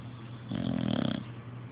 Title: ruru snoring very load